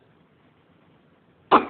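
A single abrupt cough from an adult closes the clip after near-silence.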